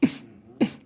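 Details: Two abrupt throat bursts about half a second apart, fitting simple vocal tics in Tourette syndrome.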